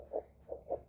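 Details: Soft, mid-pitched whooshing pulses of a fetal heartbeat, heard with a SONOTRAX handheld fetal Doppler with 2 MHz probe, gel applied to the mother's abdomen.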